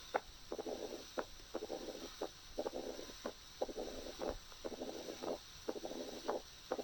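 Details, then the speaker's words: Mitral stenosis heard as the patient moves from supine to left lateral position: opening snap, then mid-diastolic and late diastolic murmur; by the end the murmur occupies all of diastole. "وفي اخر جزء من الساوند خالص لاحظنا انه بدأ ياخد كل الدايستولي، تمام، الميد دايستوليك والليت دايستوليك."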